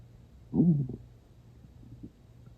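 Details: Ordinary stomach growling: one low, brief gurgling growl, then faint rumbles in a quiet room, in a person who was not very hungry and had eaten not long before.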